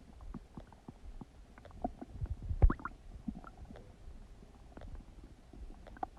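Low rumbling and gurgling from the belly, with squeaky bubbling pops and a louder surge midway: active bowel sounds (borborygmi) during digestion.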